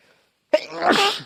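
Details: A single forceful voiced sneeze after brief silence, one sneeze from a sneezing fit.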